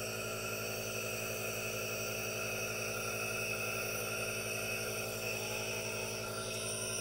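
Steady, unbroken mechanical hiss with a low buzzing hum and no speech; a nebulizer running continuously.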